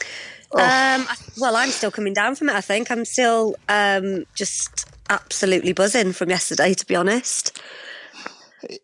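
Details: Adult speaker; normal conversational speech.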